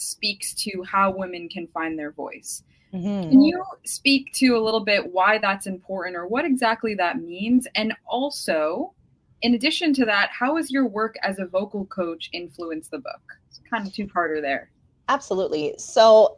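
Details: Adult woman speaking, possibly with a second speaker answering; ordinary speech.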